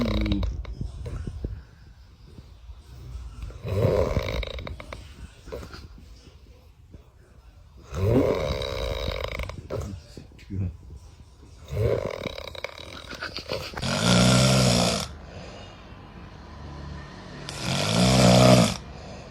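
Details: Loud, irregular rattling snores with harsh snorting bursts, roughly five breaths in twenty seconds, from a sleeping person; snoring.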